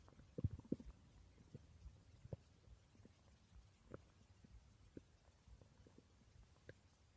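Soft, irregular gurgles and pops from the belly, busiest near the start: stomach growling, the normal sound of gut movement.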